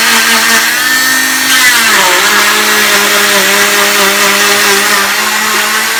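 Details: Oscillating cast saw cutting down the side of a girl's leg cast: steady high whirring motor with a grinding edge, pitch dipping under load as it bites into the cast.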